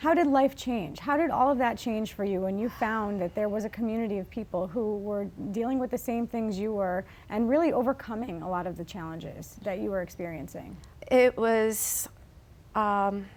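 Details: Adult woman speaking; ordinary speech.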